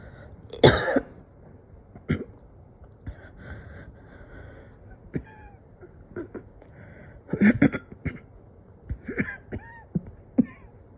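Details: Cough in a person who has struggled for days to take consistent deep breaths, with oxygen said to look almost decent: scattered single coughs and throat clearing with faint breathy sounds between them.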